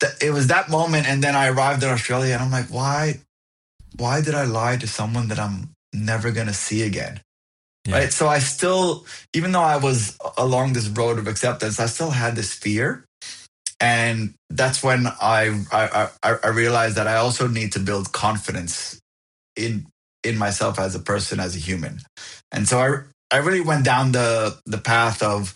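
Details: Adult who stutters, overt and covert stuttering with speech blocks discussed, found a support group at 28 and now accepts it; audible repetitions; stuttering.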